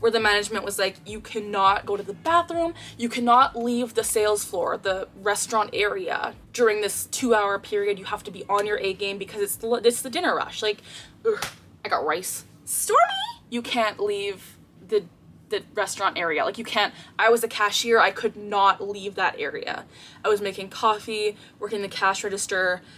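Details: 24-year-old woman with Tourette syndrome, diagnosed at age 12, producing involuntary vocal tics mid-sentence; vocal tics (Tourette syndrome).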